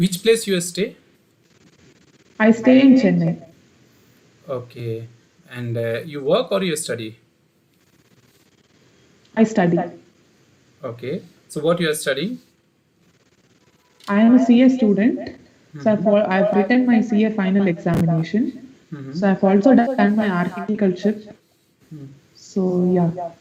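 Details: Puberphonia in a male student with a high-pitched, feminine-sounding voice for 5–6 years; pre-therapy recording made on the voice therapy assessment day.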